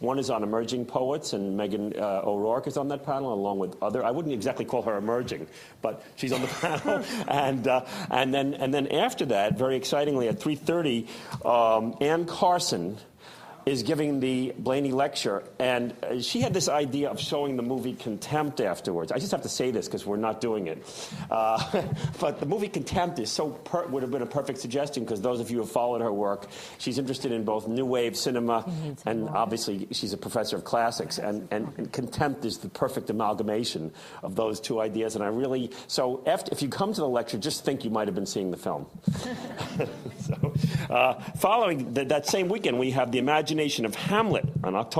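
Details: Adult man; typical speech.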